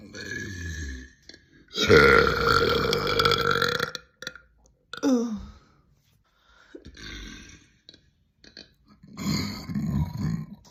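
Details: Compilation of girls burping: a series of loud, drawn-out belches from different people separated by brief gaps.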